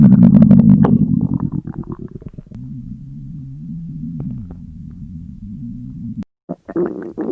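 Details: Stomach growling from a girl fasting for 24 hours: long gurgling, rumbling abdominal noise with bubbling pops and a sustained low growl, hunger-related bowel sounds.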